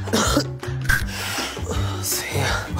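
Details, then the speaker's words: Acted adult woman's cough during an asthma attack in a dramatized workplace scene: harsh, repeated coughing with music underneath. "啊！哮喘发作，仲要照肺。"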